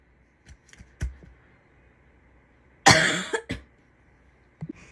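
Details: Female coughing: a few soft throat sounds lead into one loud cough burst, then two short coughs, with quiet room noise behind.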